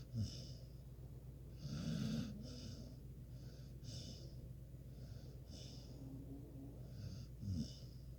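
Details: Sleeping pet snoring with her head up on a pillow: soft, irregular snoring breaths with snorting noises, several in a few seconds, against quiet room noise.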